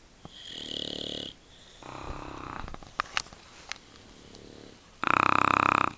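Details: Two bulldogs and a husband snoring together in a small room at night: repeated rough, rattling snores, some soft and one much louder and harsher, overlapping.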